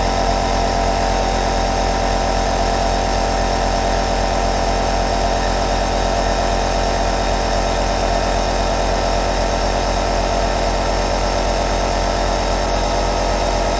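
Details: Steady, unbroken mechanical hum and low buzzing drone from a compressor; aerosol nebulizer running continuously, double aerosol sound.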